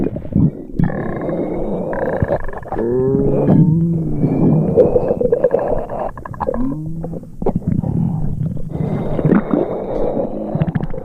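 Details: Simulated stereo sound effect of an upset stomach: long gurgling, groaning rumbles rising and falling. Stomach rumbling.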